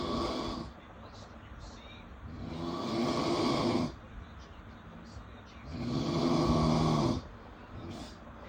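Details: Snoring at 3am, tagged baby: slow, rough snoring on each in-breath, about 18 breaths a minute, with quieter pauses between.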